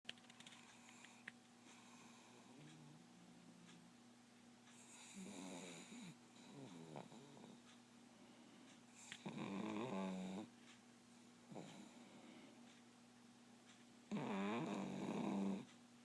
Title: Snoring yet again